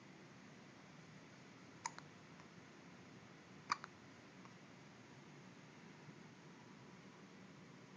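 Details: Two sharp, brief hiccup clicks a couple of seconds apart in a quiet room, rain outside; hiccups.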